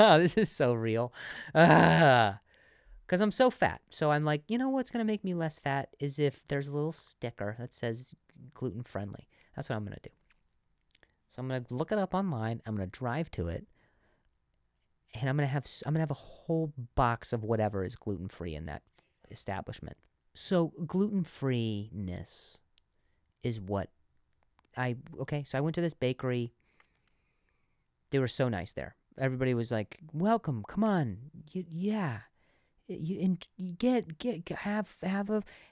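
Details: Adult man who stuttered and says he still sometimes stutters, speaking spontaneously on his podcast with audible word repetitions; stuttering.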